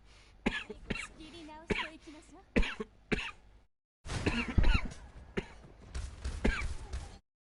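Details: Cough: repeated forceful hard coughs in two bouts, with short strained vocal sounds between them.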